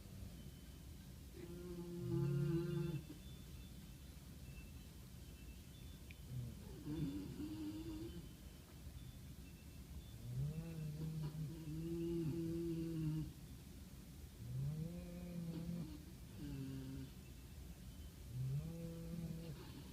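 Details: Snowy-day snuggle pile of sleeping puppies, two of them snoring: soft, repeated whistling and humming breaths over steady room hiss; light snoring.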